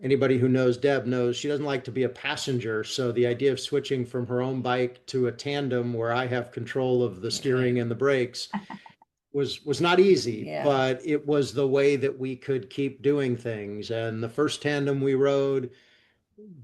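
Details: Adult man speaking; normal fluent speech.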